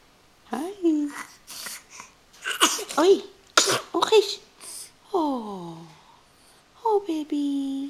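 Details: Infant sneezing and smiling: cooing and babbling with a couple of sharp sneeze bursts in a quiet room.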